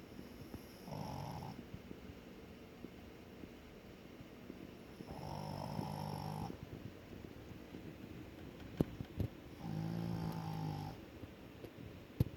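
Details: Snoring: soft rumbling snores about every 4 to 5 seconds over faint room noise, with a couple of sharp background clicks.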